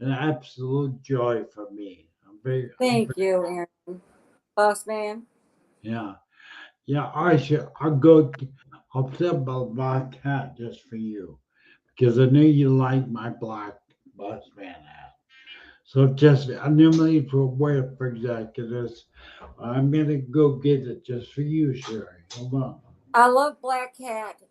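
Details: Adult male speaker; aphasic speech after stroke.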